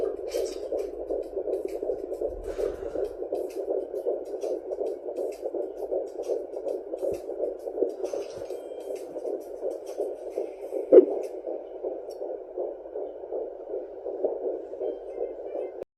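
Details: Handheld fetal Doppler at home in early pregnancy: fast, steady whooshing pulses of the unborn baby's heartbeat.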